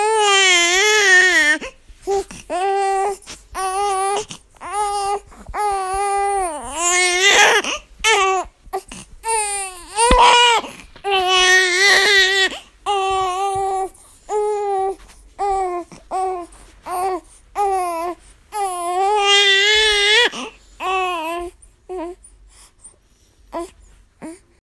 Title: Baby crying